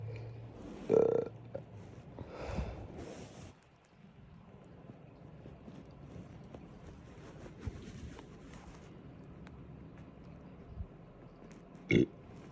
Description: Some big burps led to some big hiccups after breakfast today!